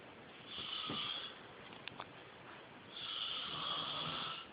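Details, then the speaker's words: Two hissing, whistling breath sounds with a faint click between in a quiet room: a man's sleep snoring, recorded on a phone by someone nearby. "Oh my God. You should have heard yourself. I just videotaped your snoring."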